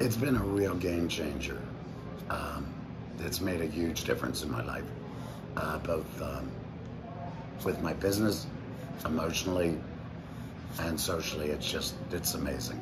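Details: Adult man speaking through a Provox Active Valve voice prosthesis almost 4 years after a total laryngectomy in February 2019 that removed his larynx and vocal cords; tracheoesophageal speech after total laryngectomy.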